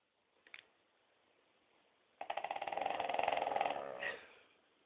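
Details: Snoring in sleeping Cavalier King Charles Spaniels: a single long, rattling breath sound with rapid fluttering vibration.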